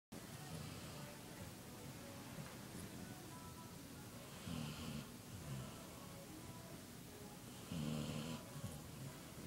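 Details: Irish setter dog snoring while asleep: soft rhythmic low rumbling breaths with louder snorting bursts every few seconds over steady background hiss.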